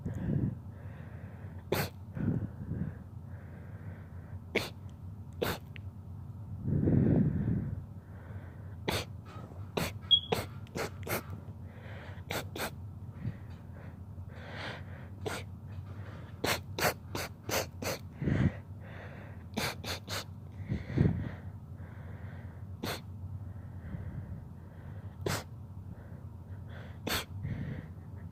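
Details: A rapid sneezing fit: several brief, forceful sneezes in a run, separated by short pauses, over sharp background clicks.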